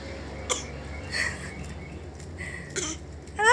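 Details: Infant playfully imitating a cough, a few brief light cough-like bursts then a squeal; pretend cough, not a real cough.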